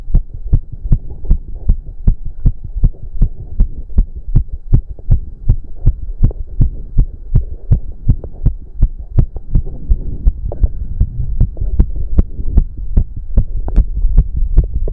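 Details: Male's racing heartbeat during a 30-minute cardio workout, with heavy breathing: fast, regular thumping heartbeat at about 158 beats a minute over a steady low hum; exercise-induced tachycardia.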